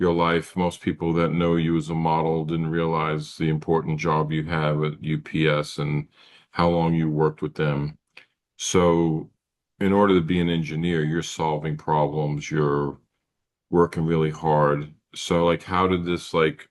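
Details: Adult male speaker; normal speech.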